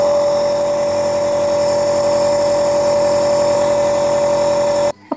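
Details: Dr Trust compressor nebulizer running in a demonstration: a steady, loud mechanical hum with a constant whine for about five seconds, then stopping abruptly.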